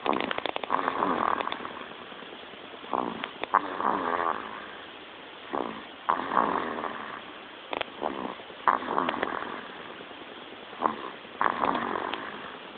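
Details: Light snoring in a baby, with soft, irregular snorting breath sounds, clicks and noisy breaths at about two dozen per minute.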